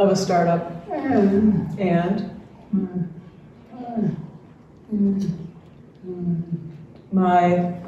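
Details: Dysarthria in ALS (diagnosed late 2021) in a man, retired pediatrics professor; his jaw trembling is neurologic clonus, not crying, per his wife, who translates for him.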